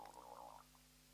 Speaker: you hear that oh my god that was my stomach i should have eaten something